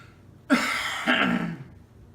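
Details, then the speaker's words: Man with C3 complete quadriplegia and dormant diaphragm: deep breath, then caregiver pushes on the stomach/diaphragm area; single drawn-out, breathy, forced cough in two pushes; assisted quad cough to expel phlegm. "so in order to do that I take in a deep breath and then at the top of the deep breath the assistant pushes it"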